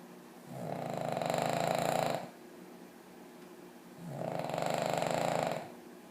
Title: LOUDEST DOG SNORING